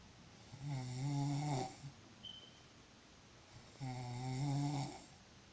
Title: Sound of snoring when you are very tired.